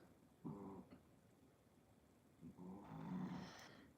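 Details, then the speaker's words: A dog sleeping on its owner's lap gives two low, rattling snores, each lasting about a second: snoring. "you hear her snoring she's laying on my lap"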